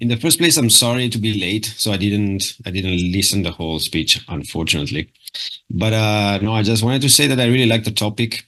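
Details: Adult speaker; typical speech.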